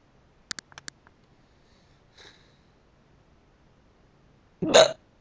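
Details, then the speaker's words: Person with hiccups talking; quiet room with a few sharp clicks, then one abrupt, loud hiccup with a short voiced catch. Hiccups. "oh the reason I made a random crappy video was cuz she wanted to hear my hiccups"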